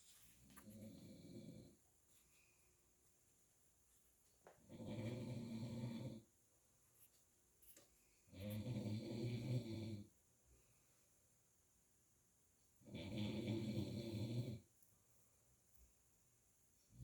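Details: Loud, rumbling snores on each in-breath from a sleeping dog, about four across seventeen seconds, with quiet pauses between, recorded overnight; ordinary snoring.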